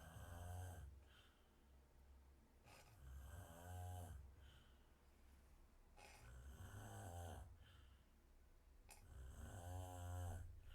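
Slow, rough, rattling breaths in a quiet room, about four snores in ten seconds, each with a fluttering inhaled rumble: snoring.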